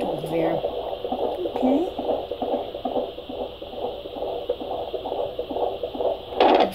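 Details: Fetal heartbeat of a baby boy on Doppler at 34 weeks, head engaged, baby moving, at a routine prenatal checkup: rapid, regular whooshing pulses at about 150 beats per minute, normal.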